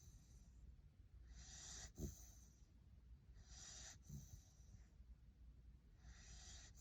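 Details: Tiny puppy snoring while napping: soft, hissing sleep breaths, roughly one every two seconds, with faint snorts against a low room hum; quiet snoring.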